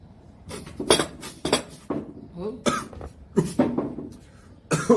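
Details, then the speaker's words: A streamer has a coughing fit of about seven harsh, explosive coughs in a cluster after coffee went down the wrong way during a hiccup and briefly left him unable to breathe. "sorry though I did a hiccup when I drank the coffee and then the coffee went in my lungs and I couldn't breathe her a second"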